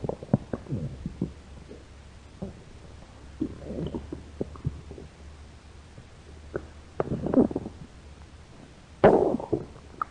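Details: Two hungry American women's stomach growling: irregular gurgles and low rumbling bursts over a faint hum; normal borborygmi from hunger.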